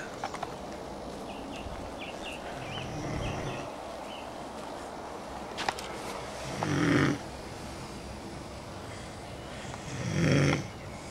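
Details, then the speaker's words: A man asleep outdoors on a cold garden patio under an old curtain: soft, low snores about every 3 to 4 seconds with birdsong in the background; snoring. "We're here to film the beastly who has fallen asleep in the garden under a curtain and is snoring his head off."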